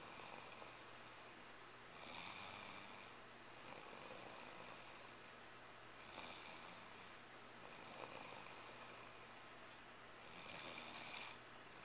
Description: Snores.